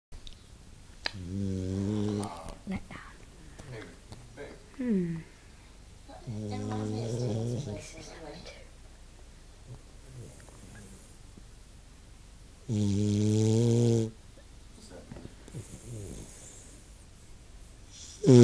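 Three long, deep, rumbling snores with pauses between them, plus small snuffles and sighs, in a quiet room.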